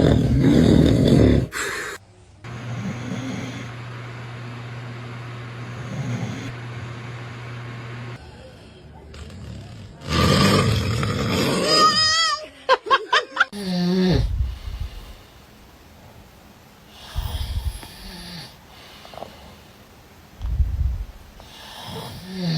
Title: Baby’s reaction when dad snores 😂😂 #usa #funny #baby #cute #foryou